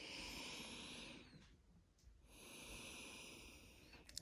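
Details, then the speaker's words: Deep, even breath sounds through a stethoscope over the lower lobes of the front chest during deep breathing, with no wheezes or crackles: normal lung sounds. "We are listening for any abnormal lung sounds."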